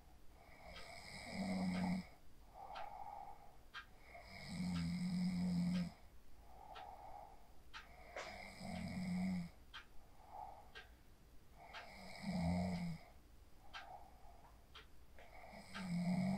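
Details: Person asleep after using the 4-7-8 breathing technique, recorded on a phone; loud, regular low rumbling snores about 17 a minute with quieter breathing between; snoring.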